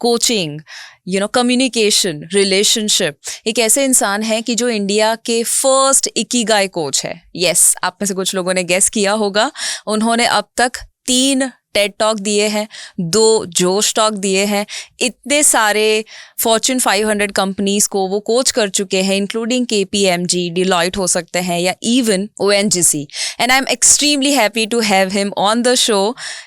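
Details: Adult woman speaking; Normal speech.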